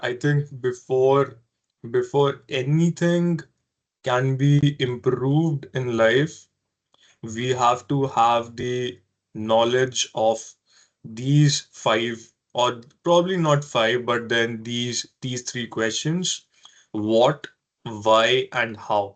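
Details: Adult man who has stammered since early childhood, persisting into adulthood, with word repetitions; stuttering.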